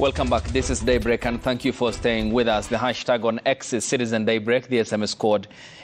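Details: Adult male broadcast presenter; typical speech.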